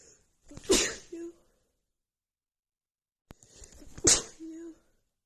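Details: Woman with a really bad, stuffy cold: two sneezes, each with a breathy wind-up and a sharp burst, followed by a brief voiced sound.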